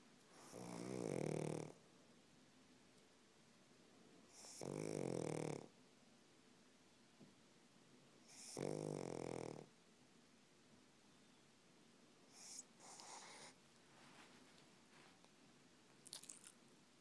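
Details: Pug sleeping, snoring loudly: rattling snores on each breath, about four over 17 seconds, with quieter breaths between.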